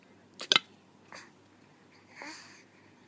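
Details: Hiccups in a mother and daughter hiccuping at the same time: a few short, sudden gasping catches in quiet room noise, followed by a soft drawn breath.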